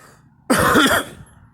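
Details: Adult with seasonal allergies to grass pollen coughing: a single harsh, forceful cough burst of about half a second, like a throat-clearing cough, in a quiet room.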